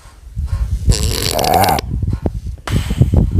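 Loud, rough, fluttering snore on breathing in, followed by snorting breaths. Snoring.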